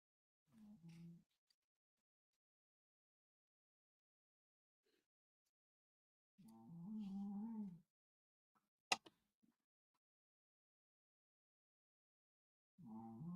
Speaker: can you hear my dog snoring